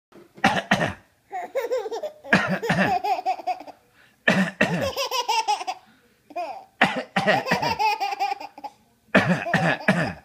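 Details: An adult father gives short, sharp coughs in brief bursts, each followed by his baby boy's bubbly laughter.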